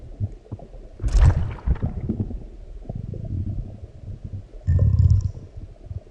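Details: Deep rumbling growls and gurgles from the belly in two main surges after a large meal; ordinary bowel sounds (borborygmi).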